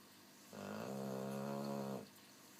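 A single long, rumbling, buzzing snore lasting about a second and a half in a quiet room.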